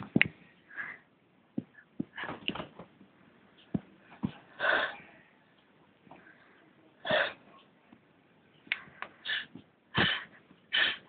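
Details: Girl deliberately making herself sneeze: several short, sharp sneeze-like bursts separated by quiet sniffing and breathing; provoked sneezing.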